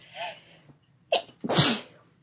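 A quick sharp intake and then a loud explosive burst: an ordinary sneeze, with faint room noise before it.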